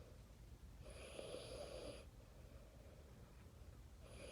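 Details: 4-year-old child, a deep sleeper, snoring while asleep; soft, rough breathing noise on a breath lasting about a second, with a faint high whistle, in a quiet room; mild snoring.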